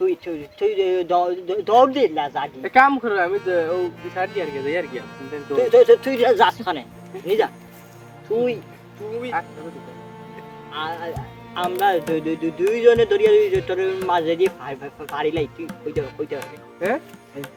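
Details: Stutter acted for comedy by a performer playing a stuttering friend in a Bengali sketch; stuttering (acted).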